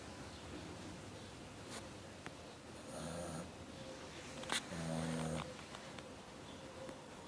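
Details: Two buzzing, slightly whistly snores from a sleeping dog, a few seconds apart, over quiet room noise with a few faint clicks.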